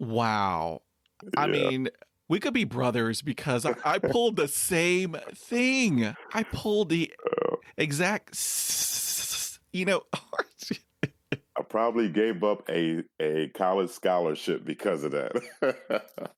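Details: Adult male with overt stuttering who blocks on everything, then breathes and moves on; stutters even when alone and once had severe blocks on the letter P; stuttering.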